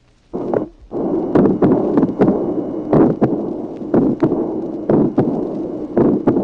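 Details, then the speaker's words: A 1966 teaching recording, about 60 beats a minute: sharp early systolic ejection click, mid-systolic pulmonary ejection murmur, split second sound, and a diastolic murmur of pulmonary regurgitation. "Tracé numéro 27, claquement protosystolique, souffle mésosystolique d'éjection pulmonaire, dédoublement du deuxième bruit, souffle diastolique d'insuffisance pulmonaire."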